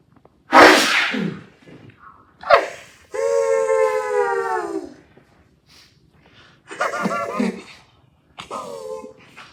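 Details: Playful musical imitation of a never-ending sneeze: explosive sneeze-like bursts followed by drawn-out sung tones, in G major.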